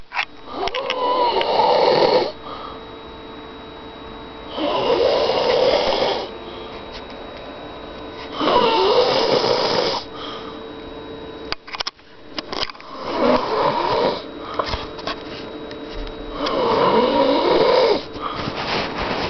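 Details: Heavy habitual nightly snoring: loud, harsh snores recurring every three to four seconds, five in about nineteen seconds, over a faint steady room hum.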